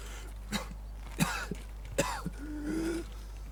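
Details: Demonstration of coughing: four short, sharp coughs followed by a brief voiced throat sound.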